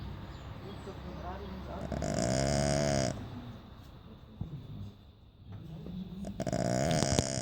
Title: SO FUNNY SNORING DOG ON HOT SATURDAY AFTERNOON